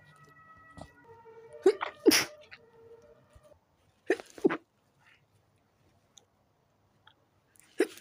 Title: A Midnight Sneeze Attack